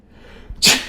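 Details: Quick breath in, then one sharp, explosive burst through nose and mouth in a comedy sketch; single sneeze.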